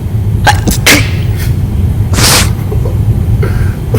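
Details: A man cooking (chicken, cornbread, macaroni and cheese, fried cabbage) sneezes over the food: several short sneezes, then one loud forceful sneeze, with room noise and low rumble.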